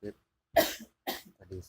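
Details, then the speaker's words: Adult woman with a sore throat, coughing after moving from bed to sit on a chair at 5:30 am: two harsh coughs in a row, then softer throat sounds, in a quiet room. "Oke, si barusan batuk-batuk ya. Jadi dari tempat tidur batuk terus beranjak ke kursi atau ke bangku merah."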